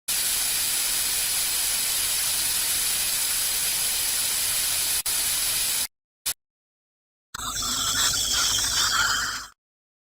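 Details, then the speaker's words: Steady hiss of water spray, then a gurgling suction burst, rinsing the teeth before bonding brackets for braces, with a lip guard in place, in an interactive dental procedure demonstration. "let's rinse off the teeth can you spray them with water I run the suction to remove the water"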